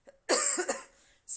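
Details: Adult with pneumonia, possibly pneumocystis, while on chemotherapy: single harsh, forceful cough with a trailing breathy tail, then the start of another.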